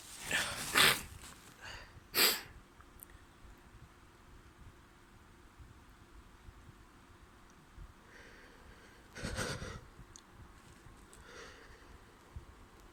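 Two sharp, wet sneezes close together, then quieter snuffly nose-blowing sounds in a quiet room, fitting sneezing with a head cold.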